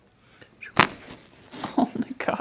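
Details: Neck joint cavitation (crack) during a chiropractic adjustment, with the patient's head turned to the side and instructed to breathe in through the nose and out through the mouth.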